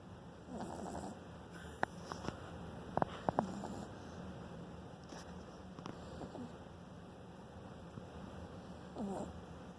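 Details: French bulldog puppy snoring while asleep: soft, low snuffling snore with faint sniffs.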